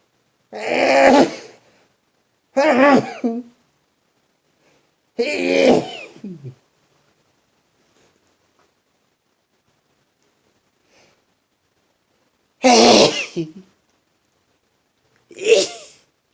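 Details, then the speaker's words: Person just waking in the morning, stuffed up since the night before, has a bad sneezing bout: five loud, sharp explosive sneezes over about sixteen seconds with quiet gaps; rapid morning sneezing. "I had a request to make morning videos a morning video another one of sneezing and it's horrible today"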